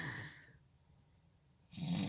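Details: Adult man snoring while asleep at night, recorded from a truck: rough, low snores, each followed by a quiet pause before the next one starts. Ordinary snoring.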